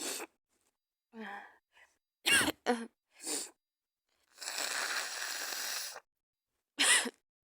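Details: With a bad cold and fever, sneezing and coughing while cuddling in bed: several short explosive coughs and a longer noisy sneeze blast, brief breathy sounds between; cough and sneeze.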